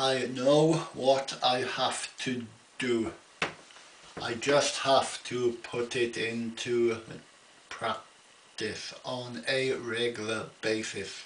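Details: Adult man with an ongoing stammer, attending a weekly speech therapy group; stuttering.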